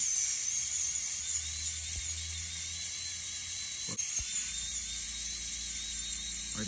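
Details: Live patient, root canal therapy of tooth #19 through a PFM crown: steady high-pitched whine of a high-speed dental drill cutting endodontic access toward the pulp chamber, with faint suction and room noise beneath.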